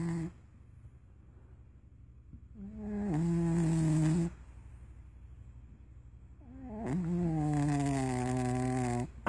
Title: Loki Snores